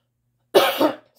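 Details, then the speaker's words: Adult with sinus trouble, coughing improving over the last day or two while speaking: one short, harsh cough with a throaty double push. "really badly I get to coughing and going through um they have been getting better maybe in the last day or two um but it's still some coughing that's there so you'll hear that and so I just want to say excuse me in advance for that"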